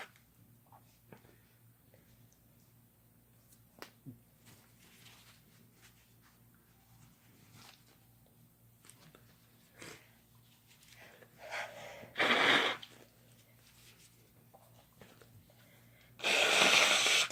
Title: Couple Sneezing Using Chhinkni